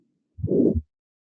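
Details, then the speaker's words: Harvey cardiopulmonary simulator, heard at the right upper sternal edge where loudest: a harsh rushing systolic murmur between first and second sounds, radiating to the carotids, typical of more severe disease. Aortic stenosis murmur. "as you might expect this is aortic stenosis and that is typical especially with more severe disease but you can hear that murmur radiating to the carotids"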